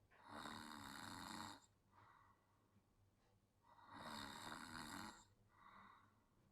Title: Do not disturb me | Sleepy Kid💤💤 | Snoring Kid🤣😂😃❤️